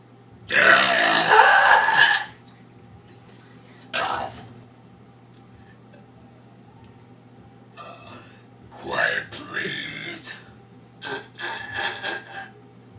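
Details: Adult woman, a mother and Guinness World Record holder for loudest burps: five loud belches, the first long and drawn out, the others shorter and clustered, with quiet room sound between.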